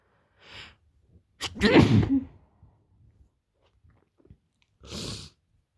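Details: Hay fever sneezing fit from rising pollen levels in Greece: a forceful sneeze with a sharp inward breath, followed by breathing and a further huff.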